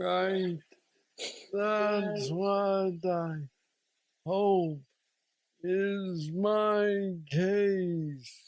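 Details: Man diagnosed with aggressive Parkinson's disease at age 35, now 46 (about 11 years since diagnosis), with mobility struggles; treated with a deep brain stimulator (neurostimulator implant) placed two years after diagnosis; Parkinsonian speech (hypokinetic dysarthria).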